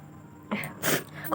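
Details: Staged sneeze performed for a sneezing and nose-blowing challenge using a dupatta: a short sneeze with a quick intake and burst, music in the background.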